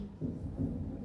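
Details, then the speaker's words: Physiology lecture on the cardiac cycle: two dull low thumps in quick succession, the first from atrioventricular valve closure at start of systole, the second from semilunar valve closure at start of diastole; normal heart sounds (S1 and S2). "Este primer ruido que ustedes están escuchando, ¿a qué corresponde? [Música] Al comienzo de la sístoles, ¿qué válvula la el cierre de qué válvula causa este ruido? Atriventricular."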